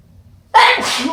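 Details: A single strong, wet sneeze after a quiet moment, with sniffling and a nose blow at the end.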